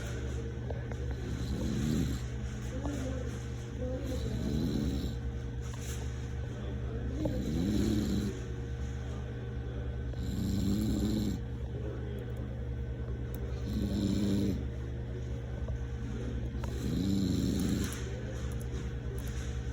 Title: Showing my brainrot(sorry for my dad snoring 😴)